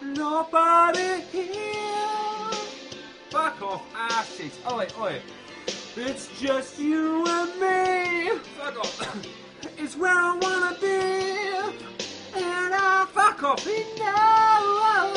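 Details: Person with Tourette syndrome singing karaoke, involuntary vocal tics including swearing and exclamations interrupting the lyrics; vocal tics (Tourette syndrome).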